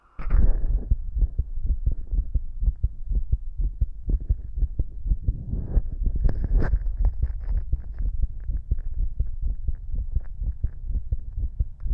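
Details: Rapid, steady heartbeats at roughly 120 a minute, with a low hum and rustling, heard through a stethoscope at different spots over the heart; the person's own heartbeat, described as fast and visible as always.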